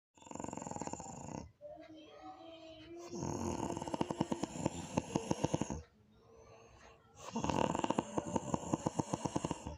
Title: Mendengkur atau Ngorok???